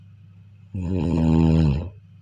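A single loud, rough, vibrating breath sound about a second long over quiet room noise, typical of a snore.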